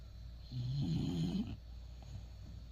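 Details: Sleeping dog snoring: one low, vibrating snore about a second long over steady room hum.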